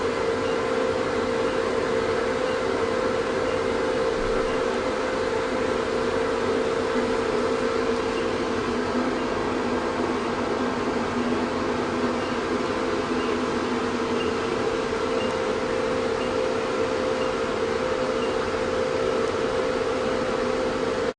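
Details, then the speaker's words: Desktop diode laser hair removal device MSLCC377 running during treatment on shaved, gel-covered skin, with the handpiece moved slowly: steady whirring fan and cooling hum with a constant mid-pitched drone. "this is the control button for this machine now we start trimming we should move slowly on the treatment part"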